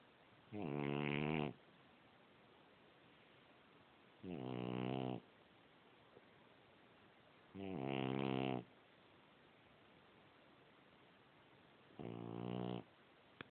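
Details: Sleeping French bulldog snoring: four loud, rattling snores about every four seconds, roughly 16 breaths a minute.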